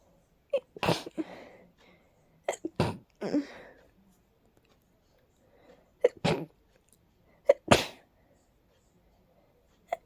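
About six quick sneezes in clusters over ten seconds, each with a short catch of breath before it, forming a rapid sneezing fit.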